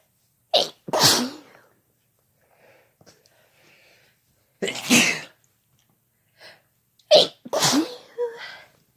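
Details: Three pairs of sharp sneezes, each a quick intake then explosive burst, from a male and a female sneezing together; ordinary sneezes.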